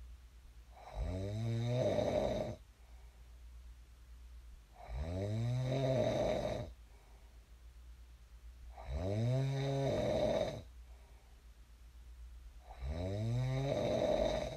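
Loud, regular snores on each in-breath, about 15 a minute, with quiet out-breaths between; steady habitual snoring.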